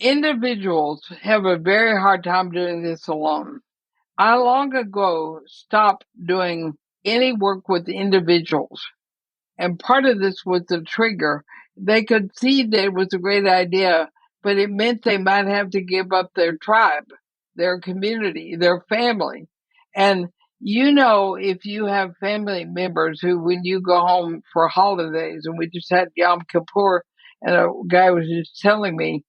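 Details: Dysarthria from ALS in an 80-year-old woman, who says her speech is already noticeably impaired but still intelligible; the disease also affects her breathing.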